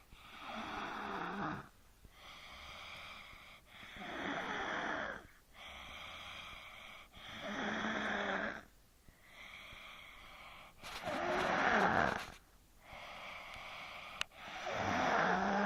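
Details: Sleeper who reportedly denied snoring: loud, rough snoring on every breath, about 17 breaths a minute, with a buzzing rattle on the in-breath; snoring.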